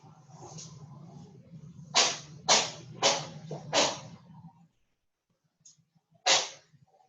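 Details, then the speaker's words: Kitten with a cold (upper respiratory infection), getting better, sneezing: five quick, sharp hissing sneezes over low room hum. "that sound you just heard was a sneezing kitten"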